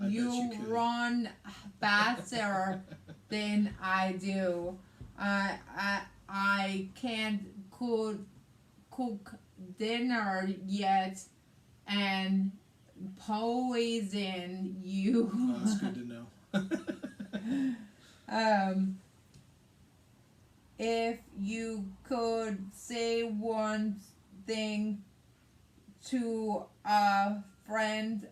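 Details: Woman with aphasia affecting speech, reading and writing, plus right-sided hemiparesis, after a hemorrhagic stroke on May 19, 2020 treated with brain surgery and ICU care; aphasia.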